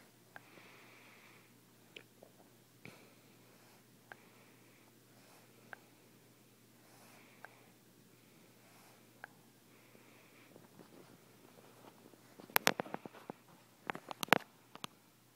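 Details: An infant napping in an adult's arms makes soft, irregular popping and clicking breath sounds, almost snoring; infant snoring.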